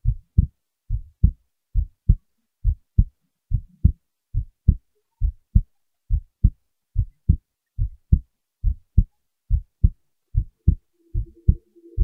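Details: Regular, paired, low lub-dub thumps at about 70 beats a minute. Normal heartbeat.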